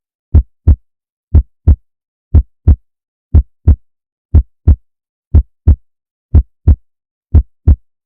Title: เสียงหัวใจเต้น 🫀1 ชั่วโมง | Heartbeat Sound กล่อมนอน ผ่อนคลาย คลายเครียด